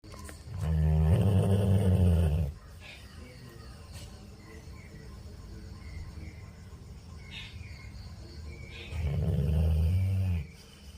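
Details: Labrador dog snoring in its sleep: two long, deep, rumbling breaths about eight seconds apart, with quiet breathing between them.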